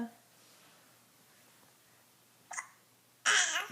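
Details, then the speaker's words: Hiccup while a young child sings: a brief, sharp hiccup interrupts her singing, then her singing voice resumes. "you have hiccups are you singing through the hiccups they're ruining your song so pretty"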